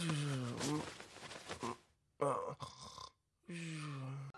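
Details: Snoring cutely while sleeping: low, groaning voiced breaths broken by short silences, a soft snore-like rumble during sleep.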